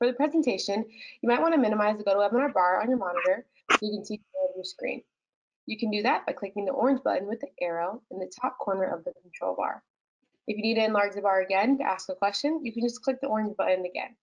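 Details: Adult woman speaking; ordinary speech.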